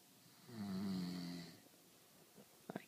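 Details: Adult husband snoring: a single loud, low, rattling snore on the in-breath, followed by quiet and a couple of brief soft noises.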